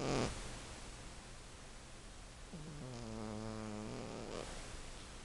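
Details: Snoring in a 15-year-old sleeping cat: soft nasal snore with a short whistly, tonal breath against steady background hiss.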